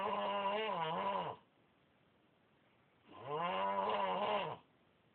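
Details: Overweight child snoring: two loud, droning, tonal snores about three seconds apart, each with rising and falling pitch, over quiet room noise.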